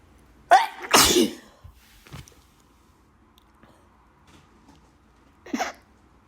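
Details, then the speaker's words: Person with bad allergies: two forceful sneezes, the first with a rising inhaled lead-in, then a quieter sniff; allergic sneezing. "Allergies really bad. I have to blow up nose."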